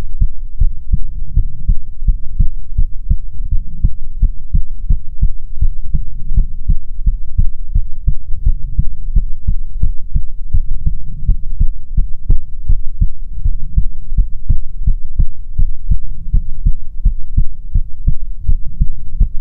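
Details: ASMR heartbeat recording from a female streamer, offered as soothing heartbeats: steady, loud, deep thumps continuing throughout with a low hum; normal heartbeat.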